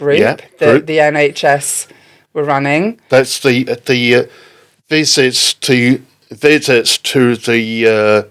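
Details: Adult speaker; typical speech.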